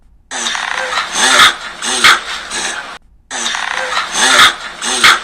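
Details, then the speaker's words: Dog with rapid, noisy snorting inhalations in repeated bursts, somewhat snoring-like; veterinary teaching example of reverse sneezing. "지금 들어보신 것처럼 약간 코골이 비슷하게 소리가 나기도 하고 머즐이 긴 친구들은 공기만 훅 나가는 것 같은 소리가 들리기도 해요"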